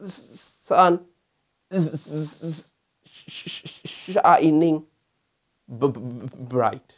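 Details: Stuttering with blocks on initial sounds, mainly words starting with S, B, T and W; demonstration.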